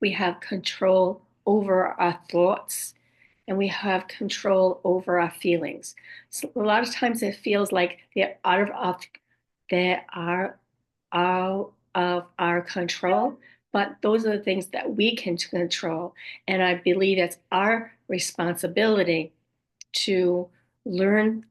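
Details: Aphasia and apraxia of speech in a woman after a stroke at age 58; she reports her speech is sometimes really hard to understand and that, especially early on, she would repeat words to get them out.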